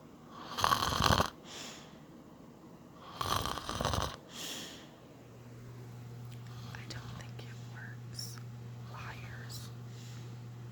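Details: Man asleep wearing an anti-snoring nose plug that did not stop it: two loud, rough, rattling snores about two seconds apart, then quieter breathing over a steady low hum.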